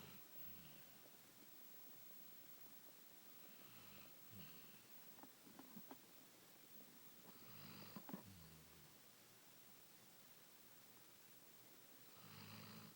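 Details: Sleeping Labrador dog snoring: soft, rough breathing snores with faint snorts, roughly every 3 to 4 seconds, against steady room hiss; ordinary snoring.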